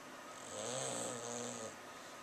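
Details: English Bulldog asleep after a day at the window, also barking and running in his sleep, recorded with a Flip Video camera: a single drawn-out, rumbling snore with a fluttering tone.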